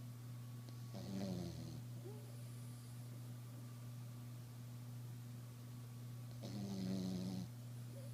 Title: Snoring away. Long weekend for the girl